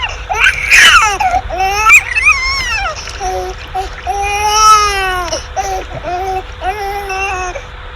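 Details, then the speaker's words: Human infant cry from a study of individual vocal signatures; loud, rhythmic crying with rising and falling wails and breaths between bursts; each baby's cry carries its own individually distinct voice. "so so clearly each baby has its own own voice so there is an individual signature in the cries of the the human the human babies"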